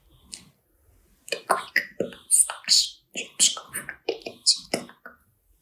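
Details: Female PhD student whose vocal cords were removed at a very young age because of a throat tumor (throat cancer), with multiple surgeries that changed her throat tissue; aphonic whispered speech.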